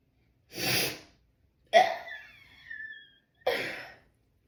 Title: How to sneeze nonstop! ( part 28)